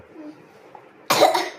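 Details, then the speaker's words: Adult with a cough: quiet room, then one short, forceful cough burst. "എനിക്ക് ചുമയാണ് കേട്ടോ, അതുകൊണ്ട് sound വേറെ രീതിയിൽ."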